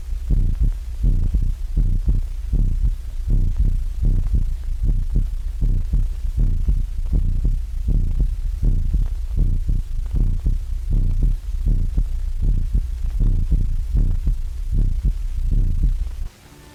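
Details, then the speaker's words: Deep rhythmic thumping heartbeats, about 79 a minute, over a low hum, heard through an electrical stethoscope in an old film showing that a whole room of students or consultants can listen at once. Heart sounds. "a whole roomful of students or consultants can now listen to the same heart or body sounds at the same time"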